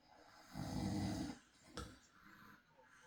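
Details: Real night recording of a husband snoring in sleep: a low rattling snore on the in-breath, then a quieter breath out in a hushed room; snoring.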